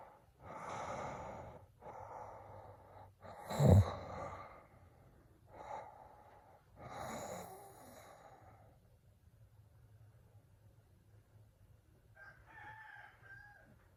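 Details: Several rough, rattling inhaled snores with a snort, then quieter breathing; ordinary snoring.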